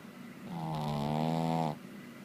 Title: snoring